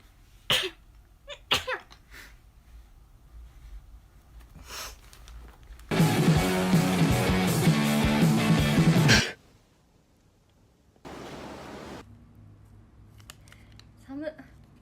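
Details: Several sharp, abrupt sneezes from young Japanese women, then loud background music and quieter noise; sneezing.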